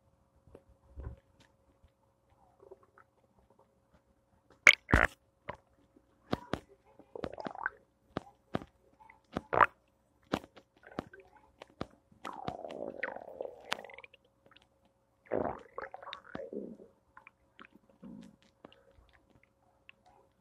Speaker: Thursday morning stomach noises.